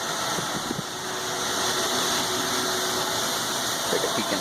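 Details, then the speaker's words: Dental milling machines (specialized CNC mills) running in a dental lab's mill room: a steady mechanical hum and whine with faint rapid ticking. "these are essentially specialized CNC milling machines"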